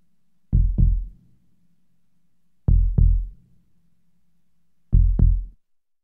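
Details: Sound-effect heartbeat: three deep lub-dub beats about two seconds apart, a very slow simulated heartbeat near 27 per minute.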